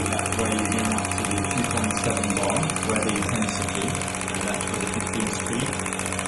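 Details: Shockwave therapy applied over the hamstring attachment for a football-related hamstring injury, after laser therapy: loud rapid mechanical tapping, about two pulses per second, with a steady hum.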